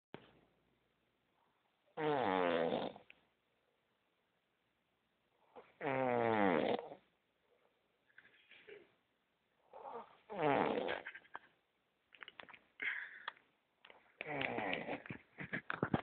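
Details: Man asleep on a trip: rough, rattling inspiratory snores spaced by quiet pauses, about 15 breaths a minute, somewhat irregular; snoring.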